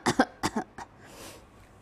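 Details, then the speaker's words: Person gives a voluntary cough into a smartphone AI cough-analysis app at a tech-show demo: about three short dry coughs in quick succession, then a breath. The app rated the cough as sounding a bit serious. "so you have to cough and breathe into the screen and then the app records the sounds and then artificial intelligence analyzes whether your cough sounds serious enough for you to go see a doctor"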